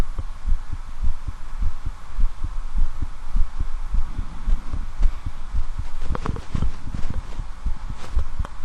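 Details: Normal heart sounds of a shirtless man examining himself with a standard stethoscope: steady paired lub-dub thumps at about 100 a minute, with brief rustling from chest-piece movement.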